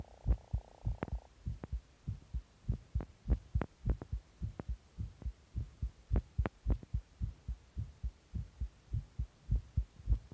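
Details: Heartbeat after stimulant use: fast, regular low thumps at roughly 100 beats a minute with a faint steady hum, a rapid heartbeat.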